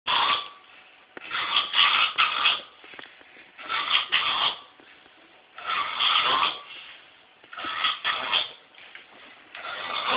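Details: Man snoring loudly: repeated harsh, rattling breath noises in irregular bursts, about 30 a minute.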